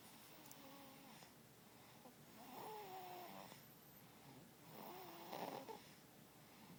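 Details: Person snoring: two fluttering, whistling snores on the in-breath, about 2.5 seconds apart, in a quiet room.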